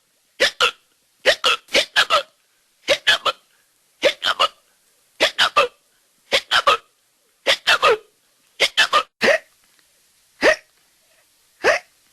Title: HB Collection of Hiccups SFX